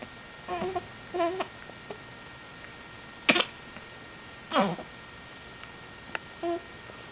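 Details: Repeated brief hiccups, short sharp voiced catches at irregular intervals over steady room hiss.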